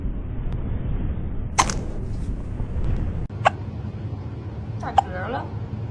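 Three short sharp clicking hiccups about every two seconds over low room noise, with a brief voice near the end.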